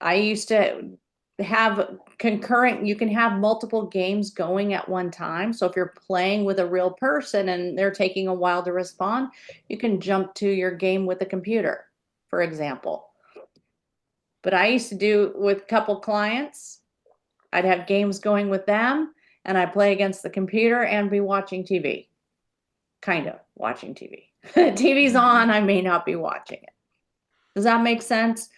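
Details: Adult woman speaking; normal speech.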